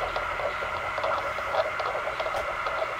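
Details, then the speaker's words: Fetal heartbeat, first-time parents, played back through a small speaker: fast, tinny rhythmic whooshing pulses over steady hiss. "I also rented a fetal doppler so we can hear her at any point on that we want"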